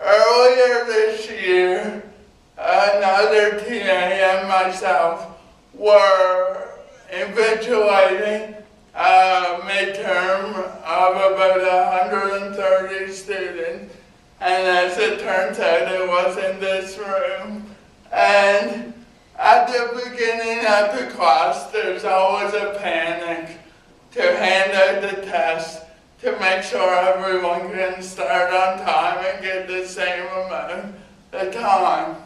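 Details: Adult man with cerebral palsy, dysarthric speech in cerebral palsy.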